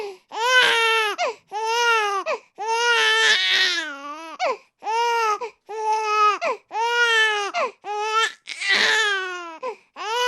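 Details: Sound sample of an infant crying: rhythmic, strong wails, each a few seconds long with brief breaths between; ordinary infant crying.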